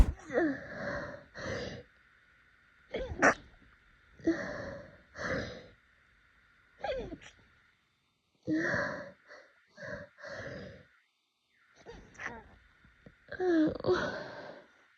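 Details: Allergy-season sneezing fit: a rapid run of about a dozen powerful, snotty sneezes, each preceded by a quick in-breath, over background music.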